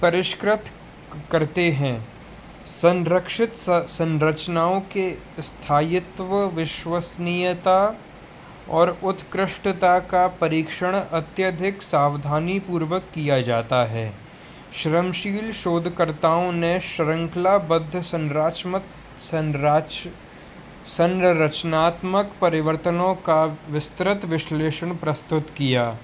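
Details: Hindi speaker practising difficult words to reduce his stammering, with a word repetition heard; stuttering.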